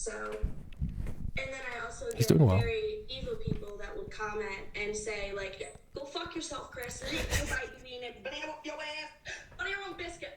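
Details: Young woman with Tourette syndrome during a TV interview; vocal tic outbursts with coprolalia.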